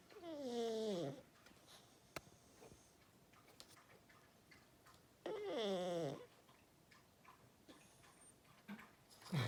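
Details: Sleeping pug dog snoring: two long, loud, tonal, falling whistling-groaning breath sounds about five seconds apart; noisy snoring in a flat-faced dog.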